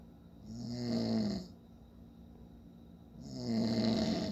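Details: Father snoring in sleep: two long rattling snores on the in-breath, about three seconds apart, with quiet breathing between.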